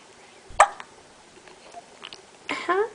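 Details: Sharp hiccup from a baby boy in a quiet room, followed by soft infant vocal sounds: ordinary infant hiccups.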